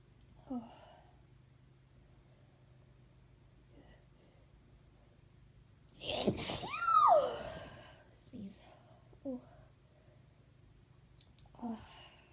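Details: Woman's requested sneeze recording: short catching breaths build up to one loud sneeze with a voiced cry, then a few quieter breaths in a quiet room.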